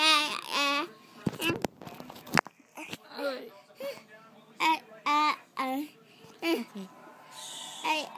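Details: Child aged 2½, before starting speech therapy, attempting to sing a song; later diagnosed with childhood apraxia of speech.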